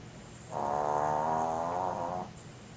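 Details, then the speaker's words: Sleeping dog, Chica, snoring loudly: one long, loud, buzzing tonal snore lasting about two seconds against a quiet room; snoring. "Cheeky Chi. Chi-Chi, you snoring? Not getting up?"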